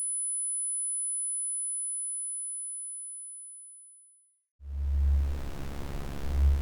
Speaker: Now I will play a series of sounds that represent the typical types of tinnitus percepts people report hearing. Ringing. Teapot whistle. Crickets. Electric ringing. The ocean. Whooshing. High whistle.